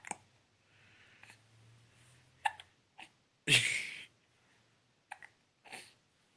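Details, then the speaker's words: Infant (formula-fed baby) with several brief, sharp catching sounds and faint breathing between them; hiccups, described as hiccup burps. "more hiccup burps just hiccups"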